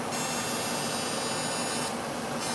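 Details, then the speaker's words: Fractional CO2 laser firing during deep-pass facial resurfacing for acne scarring and irregular texture in a sensitive female patient given an extra nerve block, at 15% density and 15 millijoules: loud steady high-toned hiss that stops and restarts. "luckily we can go a lot stronger which is what I'm doing and this is penetrating in about a 15% density and a 15 millas which is really strong"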